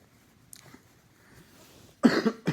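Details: Adult cough while healing: after a quiet stretch, a couple of loud, harsh coughs close together.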